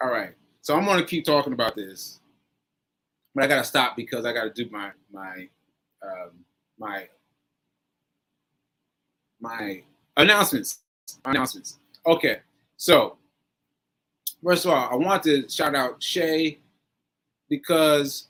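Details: Adult man with post-stroke aphasia, stroke on 7/14/22, recorded 7/4/23 while still recovering; aphasia with word-finding difficulty.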